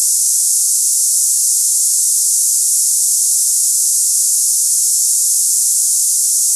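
Steady, high-pitched hiss with no breaks, a simulated cicada-like tinnitus sound.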